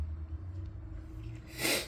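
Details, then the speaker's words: Adult sneezing repeatedly while petting cats: a short quiet lead-in with a low room hum, then a sudden loud single sneeze. "Oh, I'm gonna sneeze again. I'll try to hold it in."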